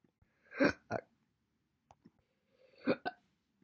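Two short hiccups, each an abrupt voiced gulp followed by a quick second click, in a quiet room.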